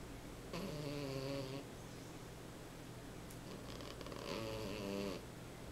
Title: Bunny The Snoring Cat